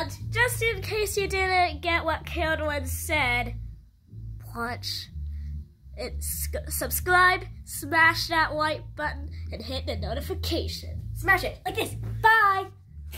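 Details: Child; ordinary child speech.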